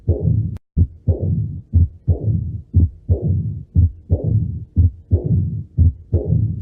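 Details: Heart auscultation in mitral stenosis: regular rhythm near 60 beats per minute with loud snapping first heart sounds and a low rumbling diastolic murmur.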